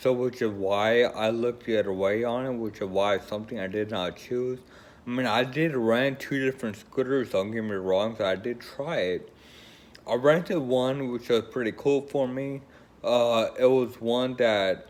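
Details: Woman with Friedreich's ataxia, a progressive neurological condition affecting coordination, considering a wheelchair; dysarthria in Friedreich's ataxia.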